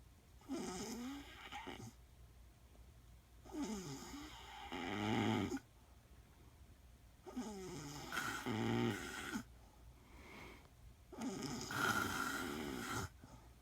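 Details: Adult woman (wife) snoring during sleep: four long, rough, fluttering snores at about 17 per minute, each rising in loudness through the breath; ordinary snoring.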